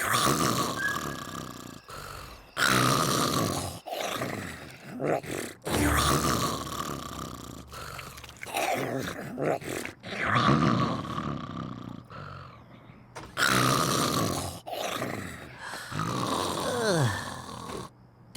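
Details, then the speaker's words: Simulated cartoon snoring by Daffy Duck in The Looney Tunes Show: exaggerated, slow, rumbling snores with whistling exhales about every few seconds, all acted, while another character tells him to wake up. "Hey, wake up. Come on, you're snoring. Wake up."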